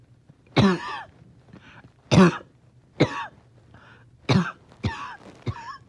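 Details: Dog in the morning, finding it hard to rest: six harsh, abrupt coughs over about six seconds, each trailing into a brief raspy, wheezy tail; barking, wheezing cough.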